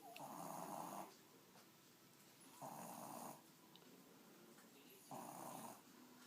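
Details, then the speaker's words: A fat little shih tzu dog snoring while asleep: three loud, rasping snores about every two and a half seconds, with quiet pauses between them. "what are you doing huh were you snoring hey champ go back to sleep"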